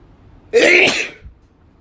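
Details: Single loud, explosive sneeze with a sharp hissing burst of air during a sneezing fit.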